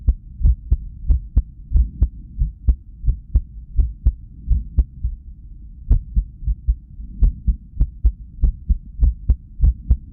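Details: Resting cardiac ultrasound (echo) recording with sound of an irregular heartbeat after lack of sleep: low thudding beats over a steady hum, about 100 a minute, with uneven spacing and pauses, consistent with arrhythmia.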